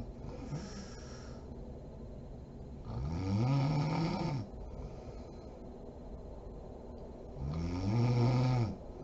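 Loud, rough snores on inhalation, about two in nine seconds, separated by quieter breathing; ordinary adult snoring.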